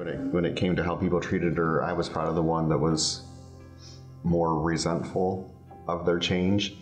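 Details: Adult man speaking; normal speech.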